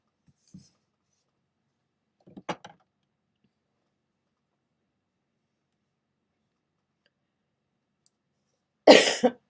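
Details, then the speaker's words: Single accidental cough during a live stream: mostly quiet with a few faint throat sounds, then one loud, short cough burst near the end. "Excuse me, guys. Didn't mean to cough out loud there."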